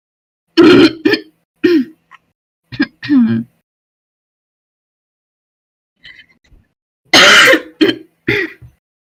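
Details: A young woman who smokes gives repeated forceful, harsh throat clearing in short bursts, with a long pause and faint sounds between groups; she also has a deep barking smoker's cough and constantly clears her throat.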